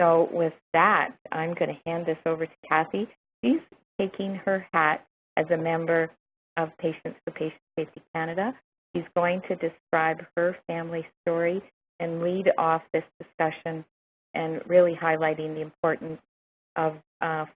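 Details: Adult speaker; typical voice.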